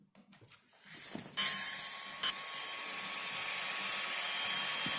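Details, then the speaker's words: High-speed dental drill with flat-ended, tip-diamond end-cutting bur, steady whine after brief start-up with faint spray hiss, removing thin enamel lips at the margins of a mandibular first molar (#36) on a typodont for a full veneer crown. "So this burr could be used to eliminate the lip of the enamel. For example, like so we can use such a burr to completely eliminate those thin enamel lips."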